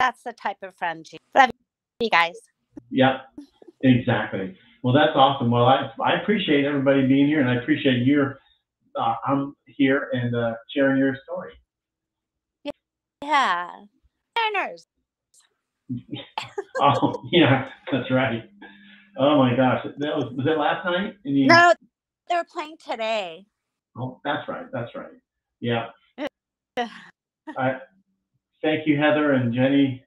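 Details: Adult speakers in conversation; typical speech.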